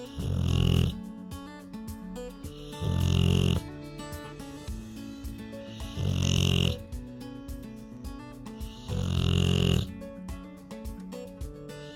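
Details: A Rottweiler dog snoring while relaxing on a couch, recorded in real time: four loud, deep rattling snores about three seconds apart, roughly 20 a minute, over background music.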